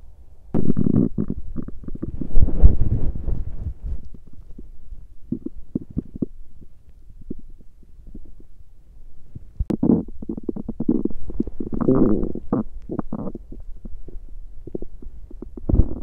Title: Stomach growling of the day(hungry,digesting,girls day)😋💀